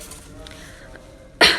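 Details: Acted sneeze or cough into a tissue, demonstrating correct cough and sneeze etiquette: quiet room noise, then one sudden loud burst at the end.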